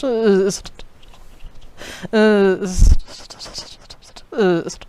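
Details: Person who stutters, speaking without the assistive app; fairly moderate to severe stuttering.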